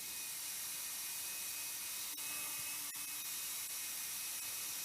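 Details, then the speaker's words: Rotablator (RotaPro) with a 1.25 burr at 150,000 rpm on an extra support wire, ablating calcified ostial left main in a woman with end-stage renal failure on balloon pump: steady high-pitched whine dipping as the burr decelerates. "I've set it at 150,000. It's a gentle movement forward. You can hear the deceleration. I'm gently ablating"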